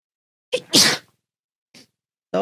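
A quick in-breath, then one loud, explosive burst of air and a brief follow-up sound: a single sneeze.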